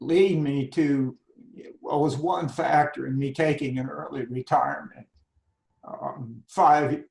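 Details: Adult man with spasmodic dysphonia beginning at age 51, managed without Botox. Finding: spasmodic dysphonia.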